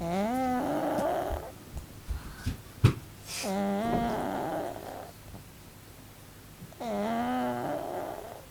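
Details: A pug lying squashed flat in sleep snores loudly: drawn-out nasal snores of about a second each with a fluttering quality, noisy upper-airway breathing in a flat-faced dog.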